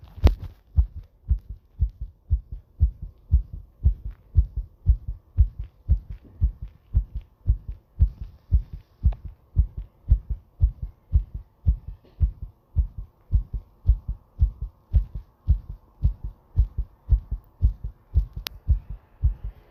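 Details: Steady, pounding heartbeat at about 57 beats a minute, each beat a clear low double thump; heartbeat.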